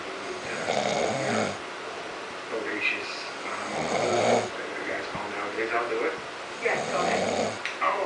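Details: A man snoring while asleep, with loud rattling snores on each in-breath, about three in eight seconds, and quieter breathing between; snoring.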